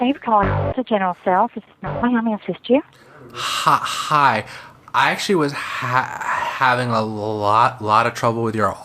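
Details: Real telephone call by a man who stammers; stammering (stuttering).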